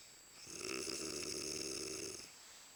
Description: She was snoring so loud i coudn't watch tv so i decided too annoy her till she woke.